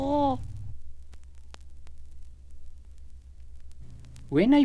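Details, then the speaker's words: Two brief, soft, musical coos from an infant with a steady hum between them: the normal pleasure sound of a happy, contented baby. "And three, the pleasure sound of a happy and contented baby."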